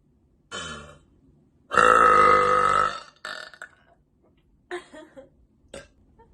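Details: A female repeatedly burping deliberately: a short burp, then a long, loud, voiced burp of about a second, followed by several smaller burps; burping.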